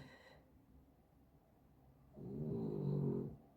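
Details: Sleeping dog, said to be hot: after a quiet pause, a single low, rattling snore on the in-breath; ordinary snoring.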